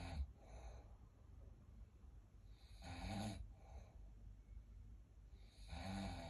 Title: Snoring 💤 😴😴😴